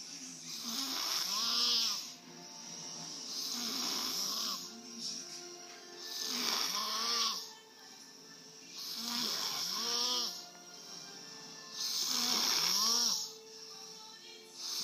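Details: Regular rasping snores from a person caught sleeping on the couch, with music playing in the room.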